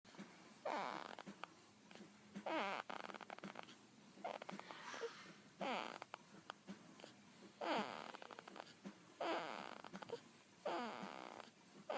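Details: Baby: soft, fluttering snores with each breath, about 12 a minute, in a quiet room; infant snoring.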